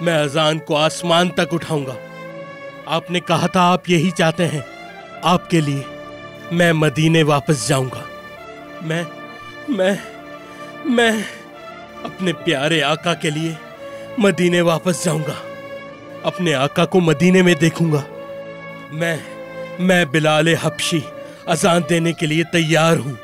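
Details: Adult male voice, dramatized monologue over music; ordinary speech.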